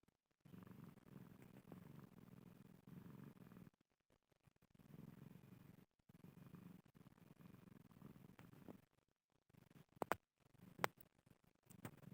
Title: BEGINI SUARA KUCING MENDENGKUR